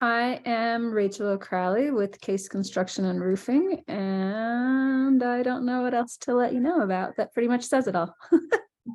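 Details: Adult woman speaking; Normal speech.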